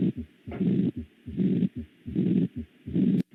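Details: Mitral regurgitation murmur.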